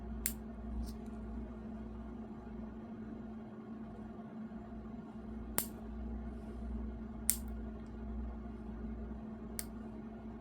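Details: Foot care nurse's demonstration exam on an adult man: toenail nippers make small nips following the nail's shape, heard as a few sharp snipping clicks over a steady room hum.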